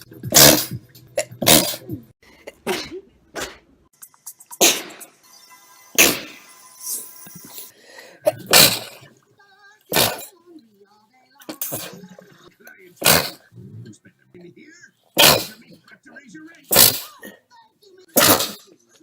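Series of loud, explosive sneezes, about a dozen, from different people, with brief speech and music between them.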